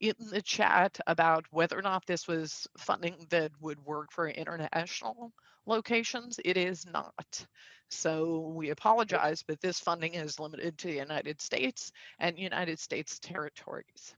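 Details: Female adult speaker with spasmodic dysphonia, a neurological vocal cord disorder she says is audible and acts up at times; spasmodic dysphonia.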